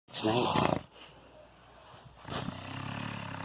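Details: Snoring at 4:40 am on the second night: two loud, harsh, fluttering snores with a rough rattling quality, separated by a quiet pause.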